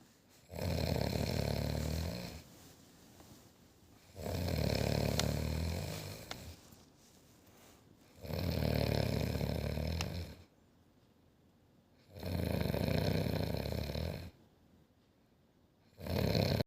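Loud, regular rattling snores on each breath in, about 15 breaths a minute, with quiet breaths out between them.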